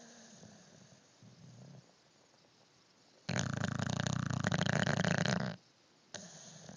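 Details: Soft breathing, then a loud, coarse, fluttering snore lasting about two seconds, followed by quieter breaths; snoring.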